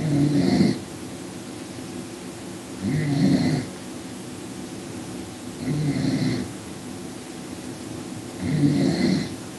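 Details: Ordinary snoring: four deep, rumbling snores at a slow, steady pace, about 21 breaths a minute, over constant background noise.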